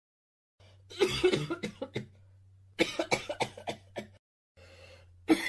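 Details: Coughing sound effect: three bouts of rapid, repeated coughs over a faint low hum.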